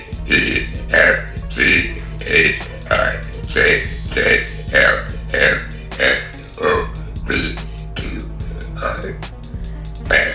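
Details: Girl burping deliberately after eating a chicken sandwich: a long run of about fifteen rhythmic voiced burps, roughly one every 0.6 seconds, with background music; burping.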